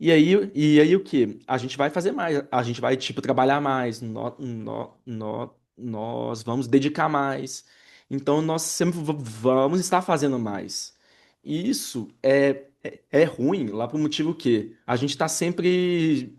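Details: Adult man who identifies himself as a person who stutters, speaking with audible word and phrase repetitions; stuttering.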